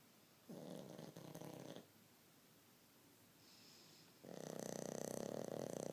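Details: Mr. Magoo snoring on a rainy day: two long, rough, rattling breath sounds separated by a quiet pause, typical of snoring during sleep.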